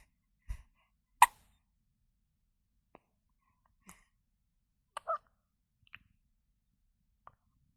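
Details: About seven brief, soft, abrupt click-like catches spaced irregularly over eight seconds in a quiet room: newborn baby hiccups, presented as a sound effect.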